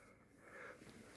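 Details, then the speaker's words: Wheezing breath recorded with a hidden camera during an emergency visit for an asthma attack, the sound attributed by the patient to asthma; treated with two aerosol inhalations, blood test showing only a minor infection. "Donc en fait, c'est lié à mon asthme, ce bruit-là, et puis cette petite infection sur La prise de sang, ils ont rien vu, qu'un petit truc, mais c'est pas alarmant."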